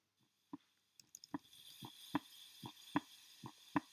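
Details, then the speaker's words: Normal heart sounds heard as a regular lub-dub at about 75 beats a minute; S1 from mitral and tricuspid closure, S2 from aortic and pulmonic closure, played as a normal comparison for aortic stenosis. "now you can hear the lub-dub lub-dub lub-dub first one being s1 s2 s1 s2"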